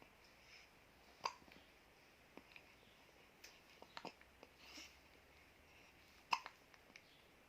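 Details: Two sharp hiccups from a baby about five seconds apart, with soft breathing and small noises between; ordinary infant hiccups.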